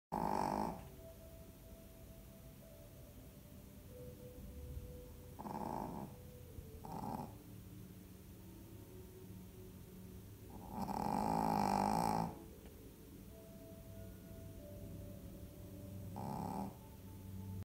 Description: She makes really loud snoring noises. In this video we get a weak sample of what the noise is like in reality! lol